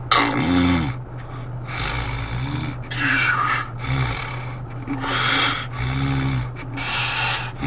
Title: snore 02